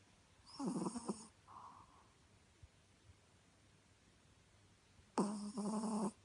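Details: Chihuahua snoring.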